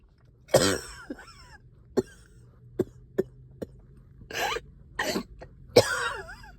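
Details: Someone up all night with heavy chest and headache: several harsh coughs and throat clearing with a loose, rattly quality, a productive wet cough with sticky phlegm.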